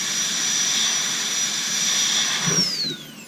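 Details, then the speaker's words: Interproximal reduction on a stone model with water. The bur is too big to open the contact, so it goes gently over the contact area. A steady high-pitched handpiece whine spins down at the end. "I'm not going to break the contact with the burr because as I mentioned the burr is unfortunately too big you can't actually get that final contact I'll still just go over this little contact area here very very gently"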